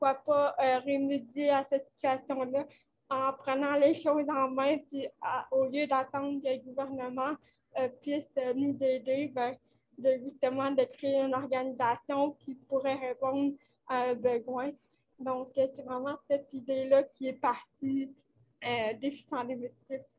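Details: Dysarthria associated with cerebral palsy caused by lack of oxygen at birth, in a 29-year-old woman who appears to mention speech difficulties.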